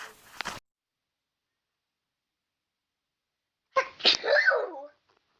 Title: Weird Sneezes